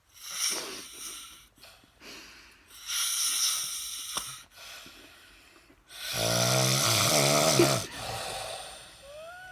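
Loud snoring with hissing breaths and a rough, fluttering vibration on one long breath.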